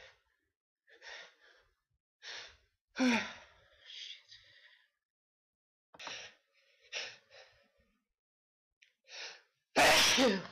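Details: Repeated short gasping in-breaths build up, with a partial sneeze midway, ending in one loud, explosive sneeze: a sneeze preceded by inhalations.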